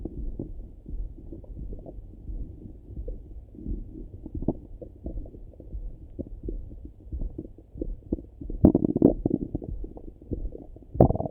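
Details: Morning stomach rumbling heard through a stethoscope: frequent low gurgles and rumbles, louder near the end, normal active bowel sounds.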